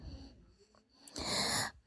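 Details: Infant girl, very young, awake and snorting repeatedly while being talked to: a small snort, then one sharp hissing burst of air; a baby's sneeze.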